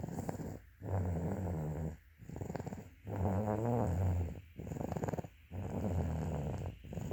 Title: snoring 🙉